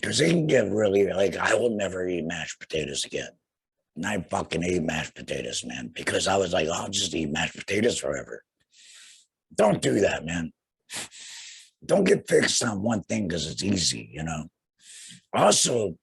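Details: Tracheoesophageal (alaryngeal) speech in a young man about two years after laryngectomy for cancer, followed by radiation, speaking through a vibrating flanged voice prosthesis and breathing through a neck stoma.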